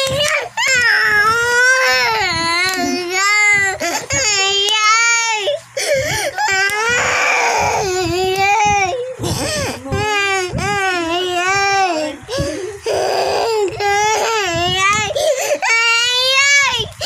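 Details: A young child cries loudly in repeated wailing bursts with brief catches of breath, crying for a slide to Citymall, with music in the background; infant crying.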